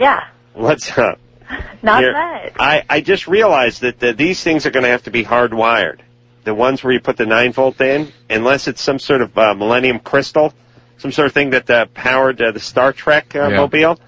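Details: Adult male speakers, radio talk show; normal speech.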